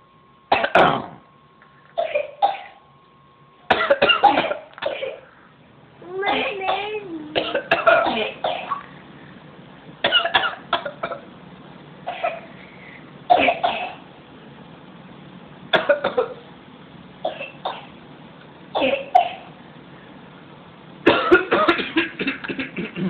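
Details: Deliberate fake coughing: about a dozen short, forced cough bursts with voiced throat sounds.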